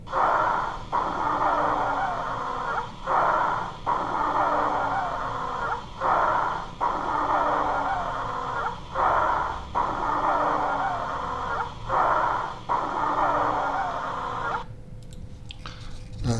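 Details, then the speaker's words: Wheezing example played repeatedly in a lecture: breaths carry a high-pitched musical whistle from turbulent airflow through narrowed or compressed small airways vibrating the airway walls; wheezing. "airflow through a narrowed or compressed of a small airways becomes turbulent causing vibration of airway walls this vibration produces the sound of wheezing"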